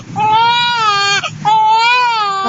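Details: Two-month-old baby girl crying because her father is out of sight; two loud, sustained, tuneful cries with a brief catch of breath between, an ordinary young infant's cry.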